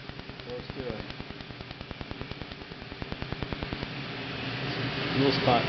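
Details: Rapid sharp clicking snaps, about 200 a minute, over steady machine hum as a laser fires pulses during live removal of a leg tattoo; laser tattoo removal device firing.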